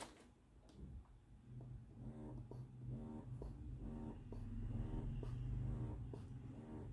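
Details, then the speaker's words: Doopser 8010 wearable breast pump running in expression mode at its highest level 9, measuring about 40-something dB, quieter than other wearables: quiet, steady, rapid rhythmic pumping hum with low room rumble; breast pump motor noise. "so level 9 so hanggang 40 something lang din so hindi siya ganon Kaingay compare sa iba na wearables"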